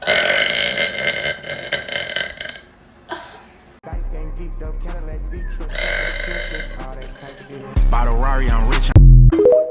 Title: TikTok Girl Burp Compilation